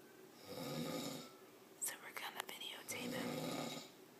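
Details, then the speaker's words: Adult husband asleep sitting on a couch at 6:55 p.m., snoring loudly with his mouth open: two loud, rough, rattling breaths with brief whispered talk between them; snoring. ""6:55 p.m. and he's sitting on the couch, snoring loud. Listen. With his mouth open."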